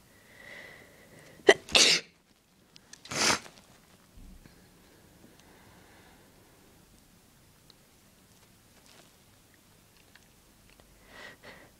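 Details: Three forceful, wet sneezes in quick succession with soft breathy sounds between, induced by tickling the nose with a clothes tag; sneezes.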